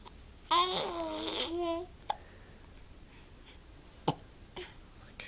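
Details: Infant with hiccups in the morning: babbling, then two sharp, abrupt little catches a couple of seconds apart.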